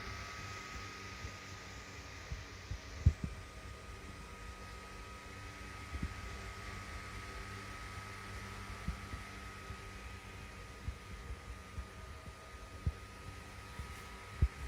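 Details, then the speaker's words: Doppler on the right side of a pregnant woman's abdomen over the estimated fetal back, head 3/5 palpable at the pelvic brim, during an antenatal check: faint rapid whooshing fetal heartbeat under steady hum, 146 beats per minute. "Detak jantung janin ibu terdengar 146 kali per menit."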